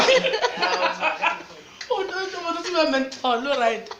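An adult acts out several sneezes, with voiced build-ups and sudden bursts that fall away in pitch.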